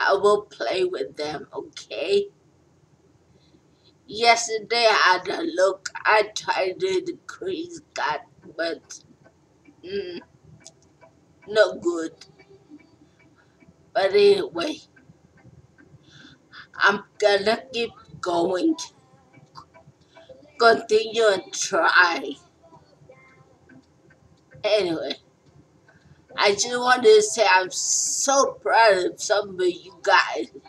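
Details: Stroke survivor talking casually; no specific speech disorder named; post-stroke speech.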